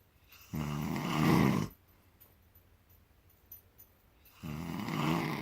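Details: An adult man snoring, loud enough to be heard from the living room: two loud, low rattling snores on breathing in, separated by a quiet pause of about three seconds; ordinary heavy snoring.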